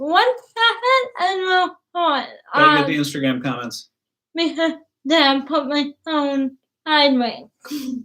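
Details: Dysarthria from cerebral palsy in a young woman who started talking late, has trouble with plosives, and has worked with a speech pathologist.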